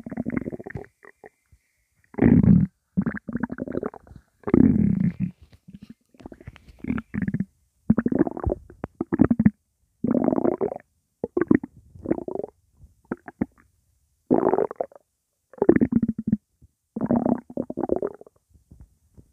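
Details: Loud, nonstop stomach rumbles with background music playing: repeated loud, low gurgling rumbles in bursts with short gaps and faint music behind; active bowel sounds (borborygmi).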